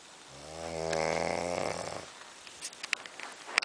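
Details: Man asleep in a dark room: a single long, buzzy, vibrating snore that rises and fades, then faint rustling; loud snoring.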